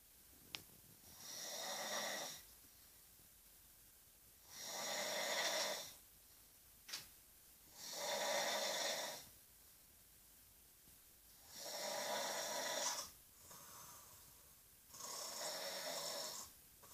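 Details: Noisy snoring: regular, harsh, rattling snores, about 17 a minute, each lasting over a second, with quiet pauses between.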